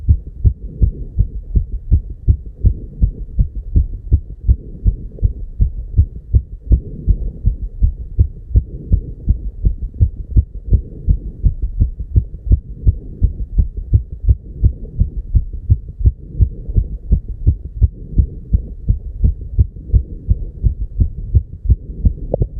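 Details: Heart sounds at 290 beats per minute: very fast, regular thumps over a steady low hum: tachycardia.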